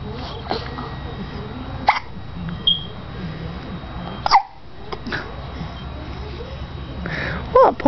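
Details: 5-month-old infant with hiccups amid laughing and crying: about five abrupt, sharp hiccups in eight seconds, with soft adult talk in the background; infant hiccups.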